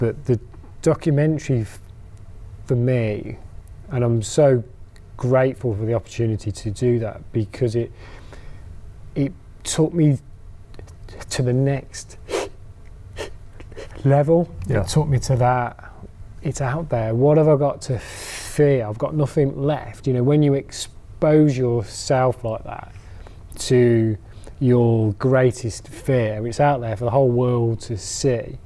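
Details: Stammering (stuttering) in an adult man who stammers, giving a talk on stammering.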